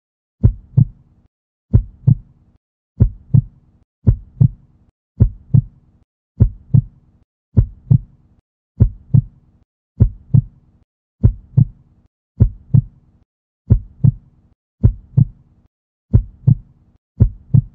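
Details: Slow, steady human heartbeat at about 50 beats a minute, with two clear lub-dub sounds per beat.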